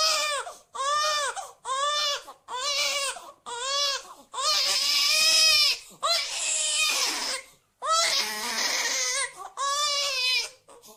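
Repeated rising-falling wailing cry bursts with brief pauses between them, an infant-style cry from a cartoon sound effect.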